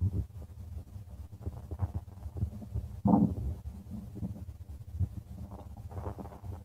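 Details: Stomach of a person: steady low rumbling and gurgling with a louder gurgle partway through, ordinary stomach growling (borborygmi).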